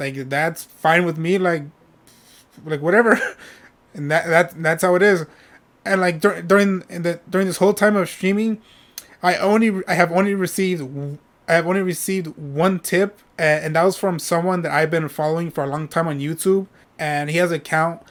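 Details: Adult male with self-reported stuttering, which he says is how he always talks: stuttering.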